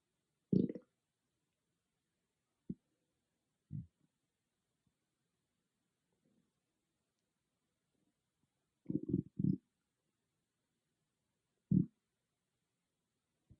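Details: A loud stomach growling, recorded on an iPhone with no ASMR microphone: scattered short gurgles and bubbling rumbles with quiet gaps between them; ordinary bowel sounds (borborygmi).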